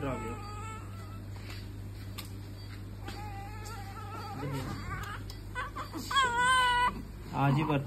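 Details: Newborn with mild breathing difficulty just after birth, now settled, with vitals checked before a BCG vaccination in the left shoulder: steady room hum and faint talk, then a few short, rising newborn cries near the end.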